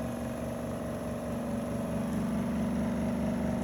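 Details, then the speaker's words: Steady low motor hum with fast regular pulsing from an electric double-bottle trolley suction machine running, with a finger over the port as vacuum builds during a demonstration; suction machine running. "so basically to check whether this machine is providing you proper suction you have to keep finger over here you can see the vacuum is started developing"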